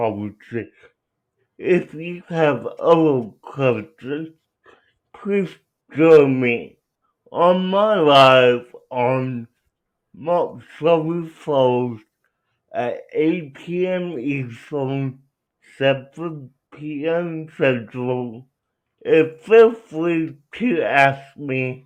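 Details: Young adult man with cerebral palsy who uses a wheelchair, out of school for six years, speaking with dysarthria due to cerebral palsy.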